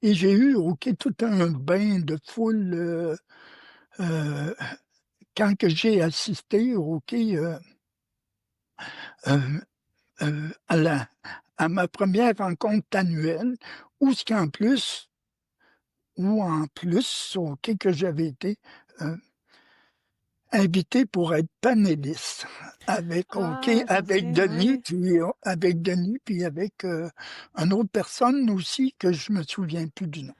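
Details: Stuttering in a French-speaking adult man, member of an association for adults who stutter, speaking spontaneously; fillers and word/phrase repetitions heard.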